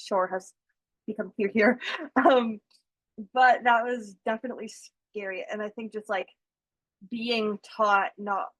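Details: School-age girl who stutters and receives speech therapy, taught strategies such as slow speech; stuttering.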